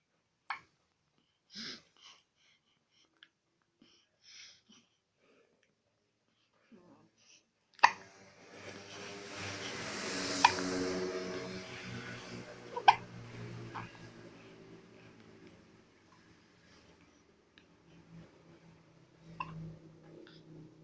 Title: Cute baby hiccup